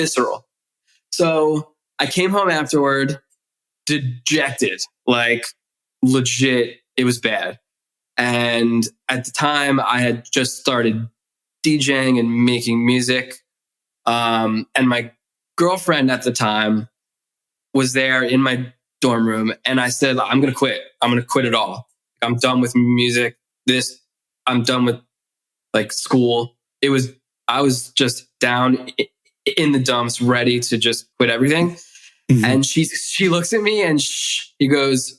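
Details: Adult male author who grew up with a stutter and was bullied for it, with the stutter still present as an adult; word repetitions: stuttering.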